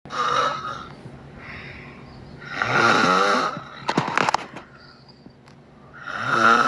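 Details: Repeated harsh, fluttering inhalations with a whistling edge and some rustling between them; loud snoring.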